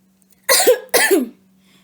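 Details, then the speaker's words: Two deliberate single coughs, each after a deep breath in, by a seated patient with arms folded over the abdomen in a demonstration of the controlled coughing technique used after surgery. "now take your deep breath in deep breath in yep and call"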